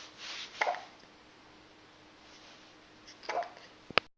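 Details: Person with hiccups: two brief abrupt catches about three seconds apart, each a short sharp gulp, then a small click, in a quiet room.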